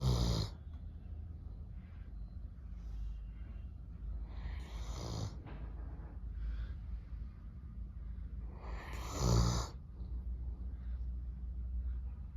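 Deep, soft rumbling snores with slow, steady sleep breathing from a resting large dog.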